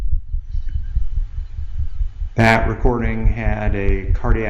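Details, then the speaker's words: 14-year-old domestic shorthair cat with dyspnea, jugular venous distension and a thyroid slip: a heart murmur with a gallop, in congestive heart failure. "murmur and a gallop in a cat with congestive heart failure"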